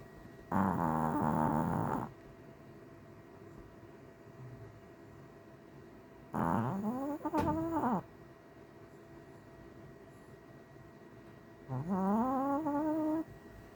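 Three loud, voiced, rumbling snores on inhalation, about one every five seconds, with quiet gaps between; ordinary snoring.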